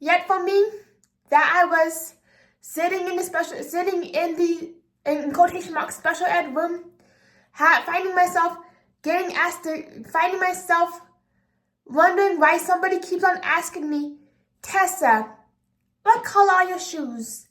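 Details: 24-year-old woman with apraxia of speech, a speech disability affecting sound articulation, speaking unscripted; apraxia of speech.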